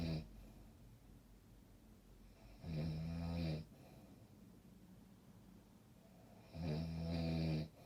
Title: 😴 Snoring!!!!!